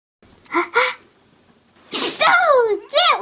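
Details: Puppy sneezing: two quick soft sneezes, then a yelping whine and squeaks.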